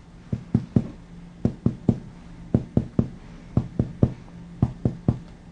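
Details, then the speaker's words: Percussion of the left heart border with the patient supine, at about the fourth intercostal space, moving medially from the anterior axillary line: hollow lung resonance turns dull over the heart, marking the left heart border. "you notice the change at that point let me do that again that dullness would be where the left heart border is at"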